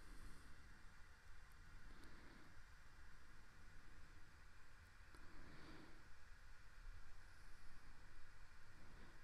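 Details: Endoscopic microsuction in a woman with badly blocked ears on both sides, removing dry, hard wax firmly stuck to the canal wall over dead skin; steady loud rushing hiss with a low rumble and brief crackles: ear microsuction.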